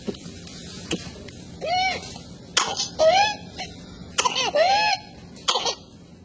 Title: whooping cough patients/Pertussis patients: Explantation of whooping cough